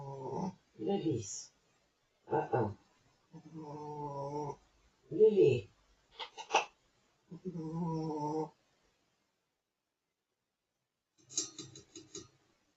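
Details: Pekingese dog snoring: irregular grunting, snorting noises with quiet pauses, typical of a flat-faced dog snoring through narrowed airways.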